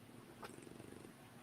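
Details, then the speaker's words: A dog asleep snores softly: a faint, rapid, low fluttering rumble mistaken for a cat's purr, with mild room noise behind. "So I hear purring. Do you have a cat here? It's Edgar snoring. I was hoping no one could hear it."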